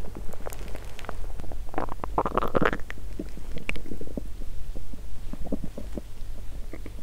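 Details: Adult woman's hunger stomach growling, recorded at the abdomen while fasting; her period is due that day and her stomach is bloated.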